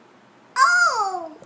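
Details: One-year-old toddler with cochlear implants, vocalizing and babbling during play with his mother, consistent with toddler vocalization after cochlear implantation.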